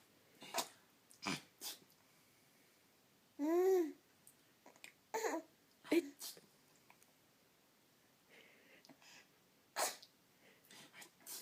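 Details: Young child sneezing at night with father: several short, explosive sneeze-like bursts mixed with babbling and voiced sounds in a quiet room; sneezing.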